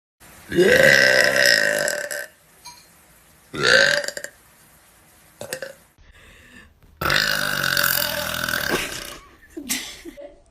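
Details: A run of loud, long, voiced burps, several in a row with brief pauses between them; repeated burping.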